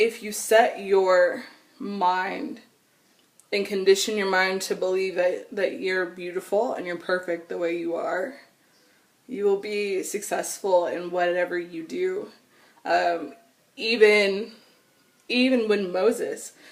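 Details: Adult woman with stuttering since she began talking in childhood, persisting into adulthood; she says nervousness, excitement or anger intensify it and phone calls make it much worse.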